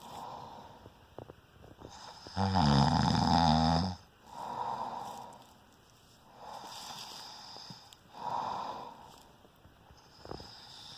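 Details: Person snoring: one loud, rattling snore, then softer noisy breaths at a slow, irregular pace, with background hum.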